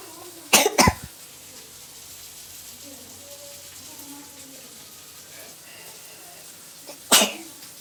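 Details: Sneezing challenge apparently using snuff (nasal powder): two quick explosive sneezes in a row, then a third sneeze a few seconds later, over quiet room noise.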